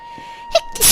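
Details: Sneezing during a live stream: a quick intake followed by a single explosive burst of air over a steady background tone.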